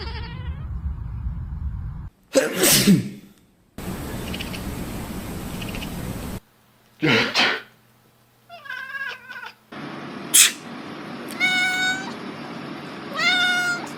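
Several loud sneeze bursts, each followed by a cat's meows and chirps, over background room noise.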